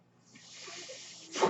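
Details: Airflow of a man's own home mechanical ventilator delivering a breath while he records a spoken podcast: mechanical ventilator breath cycle.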